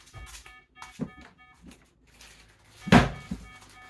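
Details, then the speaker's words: Pulse oximeter alarm for low oxygen saturation, SpO2 89%, in a woman with 22q11.2 deletion syndrome during an episode of seizures, dystonia and bradycardia; blood pressure 113/69 against a baseline of 85/60. "We've got option stats at 89 which is why the alarm was going off."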